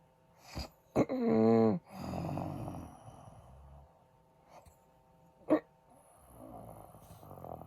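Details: Husband snoring during sleep with apparent breathing stops (sleep apnea suspected): a loud rattling snore followed by softer breathing noises and a short snort.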